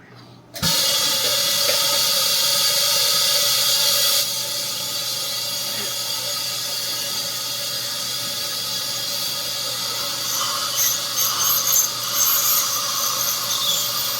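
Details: Ultrasonic dental scaler during routine teeth cleaning at an oral clinic on a 43-year-old with no decayed teeth: steady high hiss with faint whine, watery spray and suction noises.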